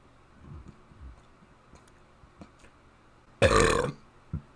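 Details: Single loud, drawn-out deliberate burp of about half a second, part of burping the alphabet letter by letter, with faint room sounds around it.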